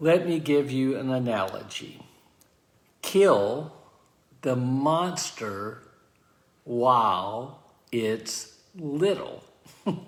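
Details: Aphasia following stroke in an adult man, speaking live.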